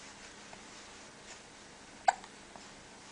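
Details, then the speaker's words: A baby girl with hiccups that make her grumpy: a single sharp, short hiccup against quiet room noise, with a couple of faint smaller sounds after it. "You don't like having the hiccups, do"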